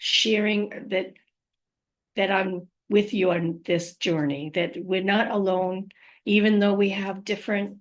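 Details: Adult living with aphasia, apraxia of speech and dysarthria after trauma such as stroke, with word-finding difficulty and words coming out mumbled when speaking too quickly; aphasia with apraxia of speech.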